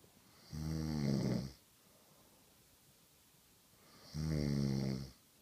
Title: And she says I snore OMG LISTEN TO THIS